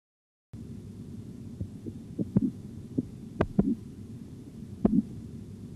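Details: Auscultatory blood pressure training exercise with a mercury manometer: faint low thumps over cuff noise, a few irregular artifact sounds then regular tapping; the first regular Korotkoff sound marks systolic pressure at 148 mmHg.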